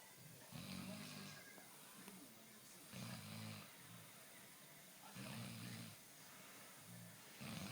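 Regular low rumbling snores on each breath in, roughly one every two to three seconds, with quieter breathing between.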